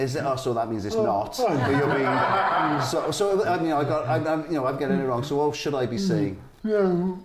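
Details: Adult male speaker; Typical speech.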